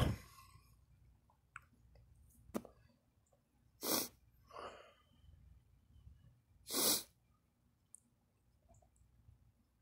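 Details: Two sharp, forceful cough bursts with softer throaty gagging sounds between them in a quiet room; coughing and gagging.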